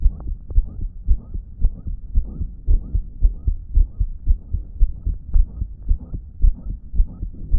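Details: Rapid regular heartbeat, about 110 to 115 a minute, with a loud blowing whoosh filling each beat, recorded when the person's damaged heart was not pumping effectively; loud blowing heart murmur.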